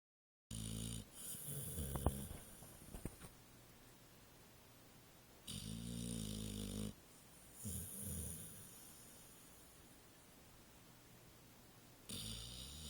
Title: Snoring Pit Bull